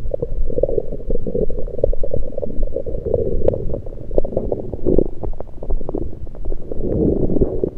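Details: Abdominal gurgles recorded with a USB electronic stethoscope over the stomach, not during digestion but with liquids and air present: continuous loud gurgling and bubbling with frequent pops, active bowel sounds.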